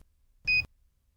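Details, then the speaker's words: Philips HeartStart OnSite AED: a single short, high chirp, the alert that the device has not passed its self-test and needs attention. "As long as the ready light is blinking and the HeartStart is not chirping, you can be confident the HeartStart has passed its most recent self-test and is therefore ready to use. If the ready light is not on and the OnSite is chirping,"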